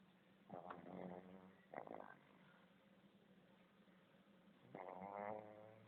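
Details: Sleeping pug snoring: two or three noisy, buzzy breathing sounds with tonal rattling, separated by pauses, with steady room hum.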